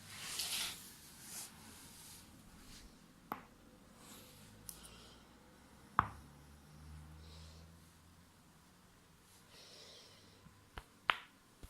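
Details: Back cracking (joint cavitation) during a back adjustment: a few sharp cracks and pops amid soft rustling in a quiet room.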